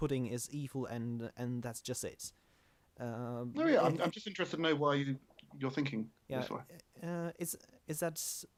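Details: Adult male speaker; ordinary speech.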